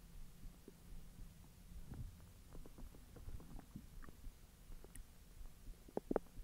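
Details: Soft low gurgles with scattered small pops and squeaks from the belly after eating hotdogs following 10 hours of an empty stomach; ordinary digestive bowel sounds after eating.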